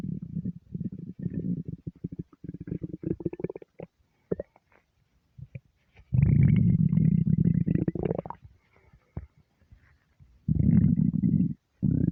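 Low gurgling, bubbling rumbles in irregular bursts with quiet gaps; ordinary hunger-related bowel sounds, normal.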